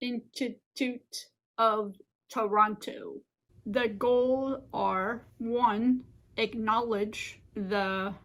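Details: Adult woman living with aphasia and apraxia since a stroke 15 years ago: aphasia with apraxia of speech.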